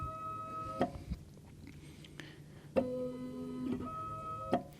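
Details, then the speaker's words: Vetronic Merlin small-animal ventilator in pressure-cycled mode at 12 cm peak inspiratory pressure; cycling with tonal hums and clicks as breaths are delivered; pressure preserved at the expense of volume when compliance falls. "So with pressure cycling, we preserve the pressure, but we at the expense of losing volume."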